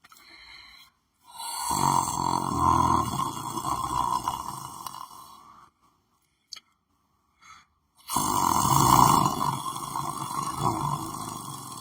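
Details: Person asleep lying on the floor of their room: two long, loud, rattling breaths in a quiet room with a pause between them; snoring during sleep.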